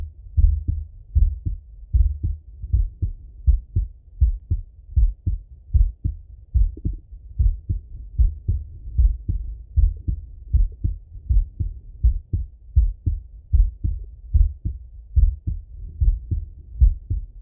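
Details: Full heart auscultation through a stethoscope on a male, recorded either sitting at a desk or lying in bed: steady paired lub-dub heart sounds at about 77 beats a minute, normal heart sounds.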